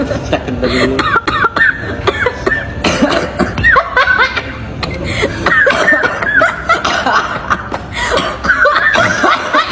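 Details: Playful coughing contest between people amid laughter and music: cough.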